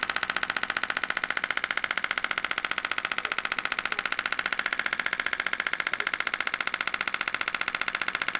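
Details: Rapid, very regular tapping pulses at about 128 a minute from a radial shockwave device on the heel at the plantar fascia attachment of a woman with chronic plantar fasciitis for over 3 years.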